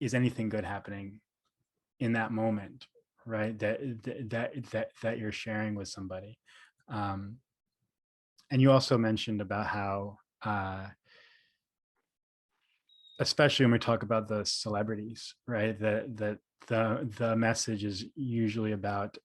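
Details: Stuttering in an adult man, a speech therapist who describes himself as a person who stutters; audible part-word and word repetitions; finding: stuttering.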